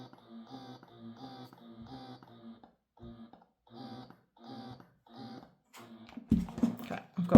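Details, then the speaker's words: Momcozy Air 1 wearable breast pump, one side running, held as if on the breast: soft, regular mechanical pumping cycles about two a second with brief pauses, quite quiet, with handling noise at the end. "If I put that as if it's on my breast, you can hear it's quite quiet, which is another plus about the Air1."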